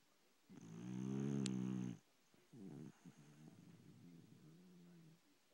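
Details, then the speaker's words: A sleeping pet dog gives a loud, rattling, low-pitched snore, then shorter fluttering sounds in the same breath; snoring. "Bella, you're snoring. Bella, you're snoring."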